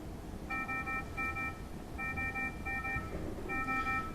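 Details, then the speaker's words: ICU vital-sign monitor playing back real patient data at an accelerated rate on the old hospital alarm system: repeated bursts of steady electronic alarm tones for a high respiratory rate, followed by heart-rate-low alarms. "already he's breathing a bit quickly a respiratory rate high alarm is going off his heart rate dipped down a little bit there was another alarm now there's another heart rate low alarm"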